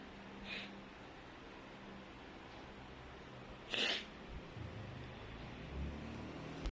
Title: Loud,Wide Nose Allergy Sneezes Philippines.